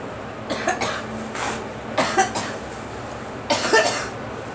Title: Girl coughing